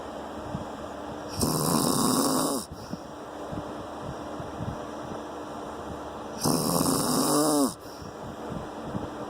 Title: No sleep for me. Snoring hubby.